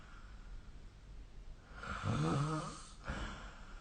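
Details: One loud, rattling, low snore on a breath in, then a softer breath out against steady room hiss, recorded during sleep with the SnoreLab app.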